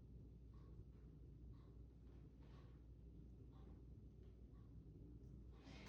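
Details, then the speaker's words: Student nurse practitioner percusses the front of an adult patient's chest while the patient is seated; faint, evenly spaced finger taps give hollow resonant notes, equal on both sides throughout; normal resonant chest percussion. "And um I was hearing resonant sounds that were equal on both sides throughout, which is good. That's normal. That's what we want."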